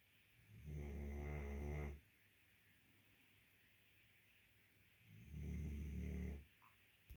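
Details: Two loud, low, rattling snores about four seconds apart from a sleeping guardian dog; ordinary dog snoring.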